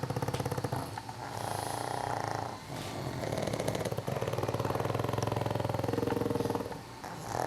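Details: Several sleeping pugs on a couch give overlapping, continuous rumbling and fluttering snores with a fast rattling buzz throughout; snoring.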